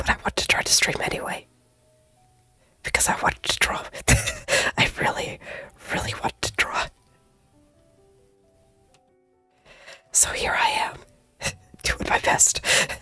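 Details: Adult female streamer who says she has completely lost her voice and must whisper, as no sound comes out when she tries to talk normally; aphonia (whispered speech).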